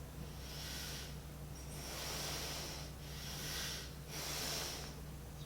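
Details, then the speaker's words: Rapid breaths through a metered dose inhaler's valved aerochamber spacer, each with a soft whistling hiss, in a paediatric teaching demonstration of the warning sound the valve makes when breathing is too fast instead of slow and deep. "the valve will ensure that you are doing the briefing in appropriate way which is a slow and deep because if you are t taking rabbit and first Precinct it will give a voice like I will show you now the boys"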